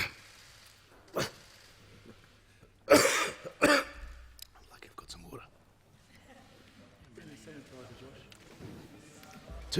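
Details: Adult man, Australia's treasurer, coughing during a parliamentary speech from a throat tickle, pausing for water, later tested for coronavirus: a few sharp coughs and throat clears with faint murmuring around him; coughing fit.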